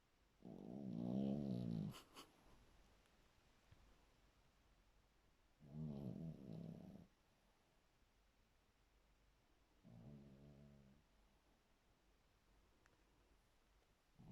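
Three low rattling snores, the later ones softer, with quiet pauses between them; sleep snoring.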